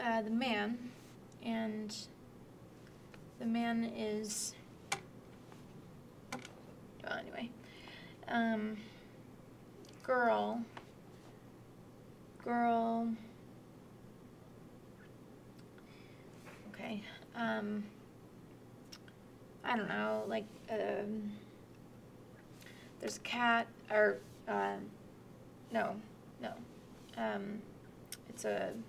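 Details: Moderate Broca's aphasia, a non-fluent aphasia and acquired language disorder: halting, effortful picture description, content words partly preserved, grammar impaired, comprehension better than expression.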